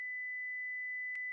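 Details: Simulated tinnitus sound, a phantom noise in the ears or head that may be ringing, buzzing, whistling or humming and may be temporary or permanent.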